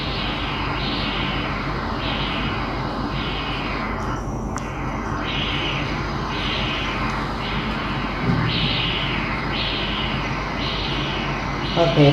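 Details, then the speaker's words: Non-imaging transcranial Doppler, STOP protocol, in a child, at the MCA/ACA bifurcation at about 48 mm depth: rhythmic whooshing pulses, about six per ten seconds, steady pulsing flow; normal. "we're going to take another picture of that bation and move on to measure the ACA the anterior cerebral artery"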